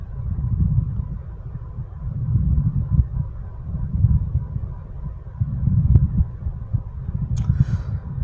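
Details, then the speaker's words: Recorded pleural friction rub played during a lung-sounds lesson on pleural effusion: low, rough grating sounds that rise and fall with breathing. "तो plural friction रब किस तरह का होता है, सुनते हैं हम नेक्स्ट ऑडियो।"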